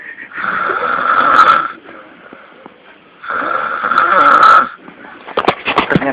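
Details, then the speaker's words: Pig snoring heavily: two long, loud, rattling snores about three seconds apart, then brief chatter. "Ini adalah suara dengkuran yang paling hebat."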